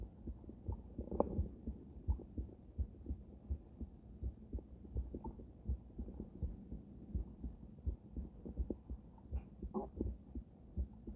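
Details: Female heart auscultated with different stethoscopes at Erb's point, then the mitral, tricuspid, aortic and pulmonic areas: steady paired lub-dub heart sounds at about 80 beats a minute.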